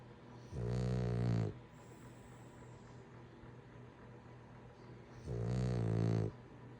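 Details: Person snoring: two deep, rumbling snores about five seconds apart, each near a second long, over steady room noise; snoring.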